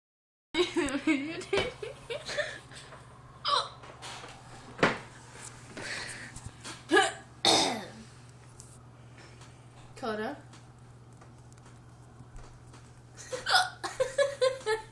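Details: Sister with hiccups: sudden gulping catches mixed with laughter and voices.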